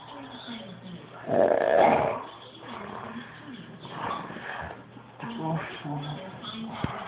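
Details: Loud, rough snoring from a sleeping adult, with one especially forceful rattling snore.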